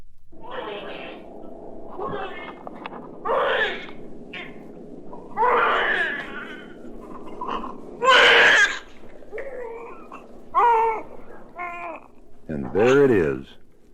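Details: Newborn's first cry, from a 1967 recording of baby sounds for expectant and new parents.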